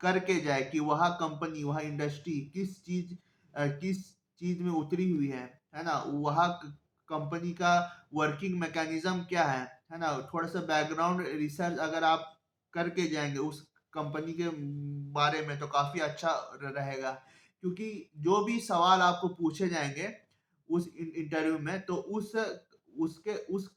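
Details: Adult man who self-identifies as a person who stammers, speaking Hindi; stuttering.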